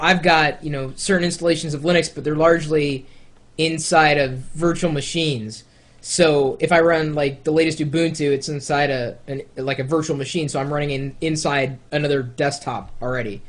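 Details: Adult male speaker; conversational speech.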